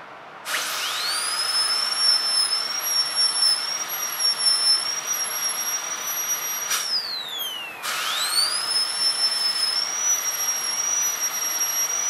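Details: Steady high-pitched whine of a dental high-speed handpiece, dipping briefly under load then spinning back up, with background hiss, during a practical-exam demonstration preparing tooth 36 for a full gold crown (FGC).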